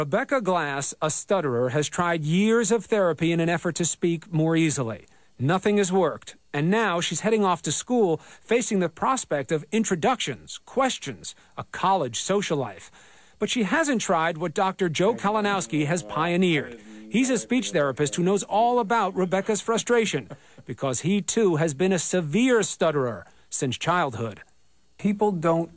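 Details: Adult male narrator; no speech disorder.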